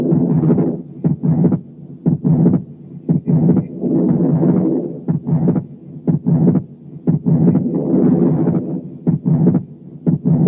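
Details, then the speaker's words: Atrial septal defect with murmur and breath noise: regular heartbeat near 60/min, second heart sound stays widely split in both inspiration and expiration, wide fixed splitting of S2. "هنسمع حالة تانية اتريال سيبتال ديفكت برضو، بس فيها صوت الريسبيريشن أصعب شوية لأن فيها مامز، لكن انتوا ما تنتبهوش إلا للسكند ساوند بس، وشوفوا السبليتنج بتاعه during inspiration و during expiration."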